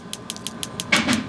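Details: Rapid, regular sharp clicking pulses, about six per second, over a low motor hum: a radial shockwave therapy device treating an adult's elbow extensor mass strain from gym overuse. Flare-up of 2–3 weeks, similar problem about two years ago; a longer-than-usual session.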